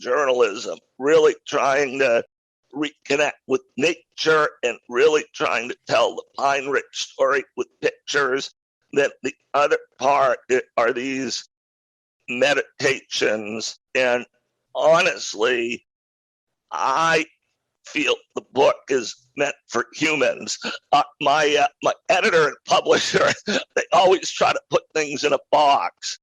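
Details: Adult man with a rare neurological voice disorder acquired in 2012 that made speaking difficult, still audible in his speech; neurological voice disorder.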